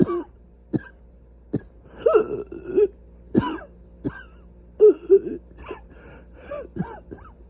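Repeated harsh coughs and throat-clearing bursts, about ten in quick succession, from severely inflamed airways.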